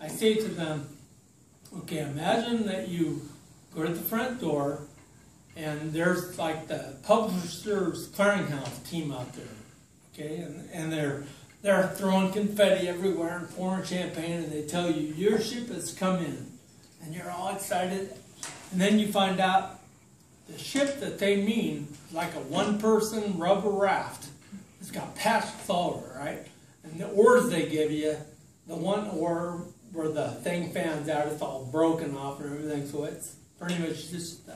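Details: Adult man with ataxia, diagnosed in 2003, which has affected his speech, giving a support-group talk; ataxic dysarthria.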